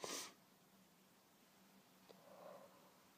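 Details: Sneezes from someone whose cat allergies are flaring after coming home: one strong, explosive sneeze, then a brief muffled, stifled sneeze and a soft breath out; sneezing.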